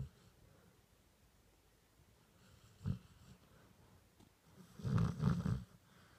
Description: This is my Greti a golden retriever she is knocked out on the bed next to me. She really snores!